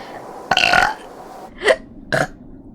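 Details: One long, loud voiced burp followed by two shorter burps in a quiet room; belching from a VTuber.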